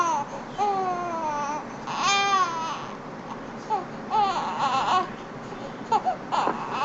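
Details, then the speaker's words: An infant cries in rising and falling wails with short whimpers between them, an ordinary cry, over quiet room noise. It is played during a baby sleep-training talk. "when the when the baby is crying the question is the big question is how long will the baby cry"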